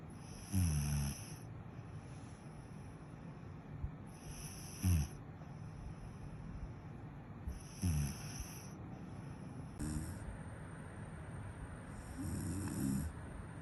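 Short, low rattling snores about every three to four seconds, roughly 16 a minute, over steady room noise.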